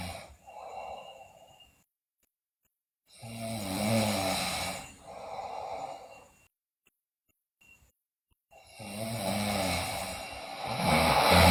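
Loud, rough snores on the in-breath alternate with breathy out-breaths, with short silent gaps between breaths.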